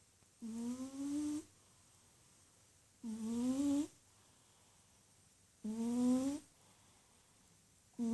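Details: Snoring in a cat curled up in a ball in deep sleep: three soft, tonal, rising breath sounds about 2.5 seconds apart, about 23 breaths a minute.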